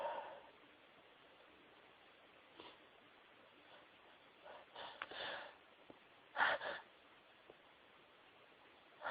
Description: Stifled some sneezes for a special someone x Hope you enjoy x